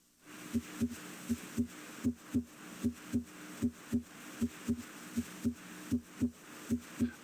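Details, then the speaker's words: Regular paired lub-dub heart sounds at about 78 beats a minute: normal S1 and S2 (S2 from aortic, with possible pulmonic, valve closure), normal rhythm. "the second sound S2 arises from closure of the aortic valve pulmonic valve closure may also contribute to S2"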